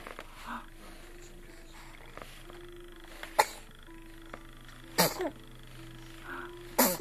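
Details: 6-week-old infant sitting in a bouncing chair gives three brief, sharp sneezes over about seven seconds, with faint room noise and a low background hum: sneezing.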